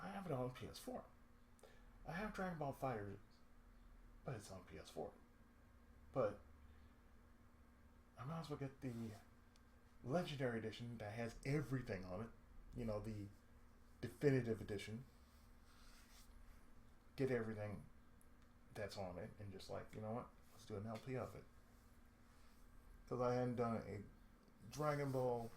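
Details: Adult male with lifelong cerebral palsy and speech difficulty since childhood: dysarthric speech with cerebral palsy.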